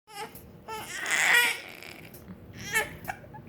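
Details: Baby with hiccups: short bursts of high-pitched crying in a small room; infant cry.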